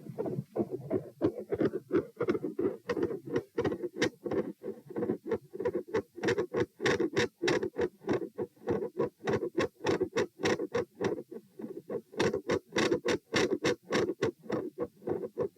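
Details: Heart sounds recorded at pulmonic position P during a stress test (lie, sit, stand, lie; 72, 96, 108, 72 bpm), very quiet supine, loud sitting: loud fast beats about 100 a minute with split S2.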